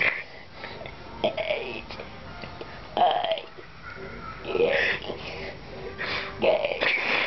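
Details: Girl deliberately burping the alphabet for fun, drawn-out gurgling voiced belches shaped like spoken letters; burping.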